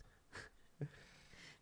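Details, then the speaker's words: Noisy breaths with a brief snorting rattle from Kona, an old dog, snoring or snarling in a quiet room; owner thinks his mouth is dry: snoring. "you can hear kona snoring or snarling i think his mouth is dry it's an old it's an old people thing"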